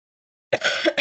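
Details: After a moment of silence, an adult woman who is unwell, teaching an online class, gives a short, harsh cough with a second burst starting at the end.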